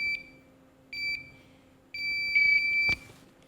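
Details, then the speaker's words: High-pitched electronic tones, two short beeps then a longer one, as the unneeded LVAD controller counts down and powers off when its battery button is held, after switching to the backup controller. "the last thing you need to do is just power down the other controller that you don't need anymore if you just push and hold the battery button you can see it starts to count down"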